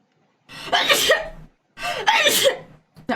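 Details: Two loud voiced sneezes in quick succession, a third starting; uncontrollable sneezing triggered by a Covid-19 PCR nasal swab test.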